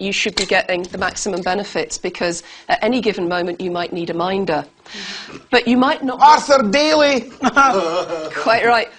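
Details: Adult woman speaking; normal speech.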